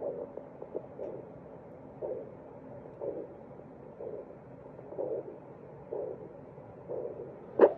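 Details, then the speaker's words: Handheld vascular Doppler over a facial artery of the examiner's daughter: soft rhythmic whooshing pulses about once a second, normal pulsatile arterial flow. "i was able to doppler the superior inferior labial arteries the facial artery the infraorbital artery and the supraorbital artery as well as a superficial trochlear artery"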